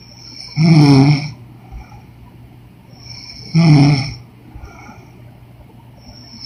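Two deep, rattling snores about three seconds apart, roughly 20 breaths a minute, over steady room hum; ordinary snoring.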